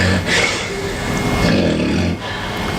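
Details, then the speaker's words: A man with obstructive sleep apnea: after a pause in breathing with increasingly violent effort, loud, rough snorting gasps as he catches his breath before the next episode; recovery breathing after obstructive apnea. "watch the effort becomes more and more violent to try to breathe and a message is sent to his brain that he's not breathing and he will snort and gas you will catch his breath"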